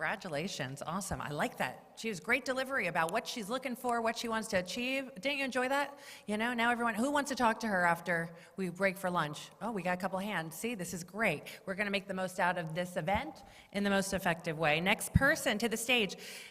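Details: Adult speaker (event host) on microphone; Normal voice.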